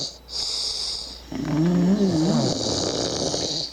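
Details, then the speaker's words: Two men snoring, one loudly, recorded in a room: a loud, rough snore with a rattling, wavering tone in its second half over steady room hiss; ordinary snoring. "Aquí están los ronquidos de los coses aquí"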